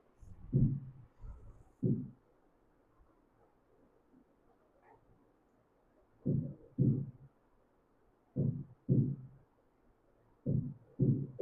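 Low, soft paired thumps, a lub followed closely by a dub, with a long quiet gap partway through. These are normal first and second heart sounds, marking the valves closing at the start and end of each heartbeat. A brief higher-pitched sound comes in at the very end.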